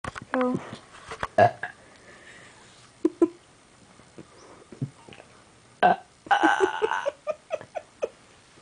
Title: Ugly Burps